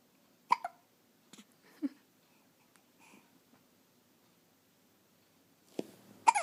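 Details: 2.5-week-old infant with hiccups for about 10 minutes while being patted: short, sharp hiccups, about four over six seconds, with quiet breathing and soft sounds between.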